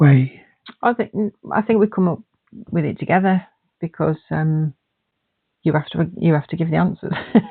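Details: Adult woman speaking; typical speech.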